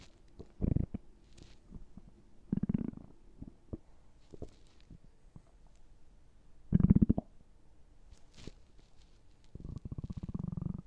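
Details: Intermittent low gurgles and rumbles from the abdomen with quiet pauses between; ordinary stomach gurgling, borborygmi.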